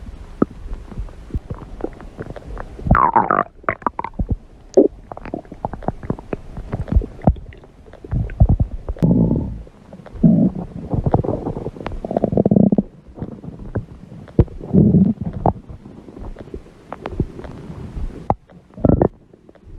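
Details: Hungry person's stomach growling: loud, continuous gurgling and squelching with crackly pops and longer rumbles throughout; borborygmi.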